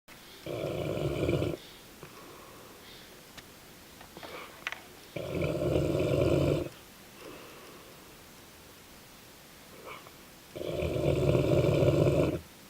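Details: Dogue de Bordeaux (French Mastiff) dog snoring while asleep: loud, rumbling snores on three breaths, about one every five seconds, with quiet exhalations between; heavy snoring.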